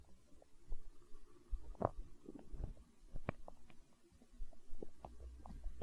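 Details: Hunger stomach growling: soft, low rumbling and gurgling; borborygmi.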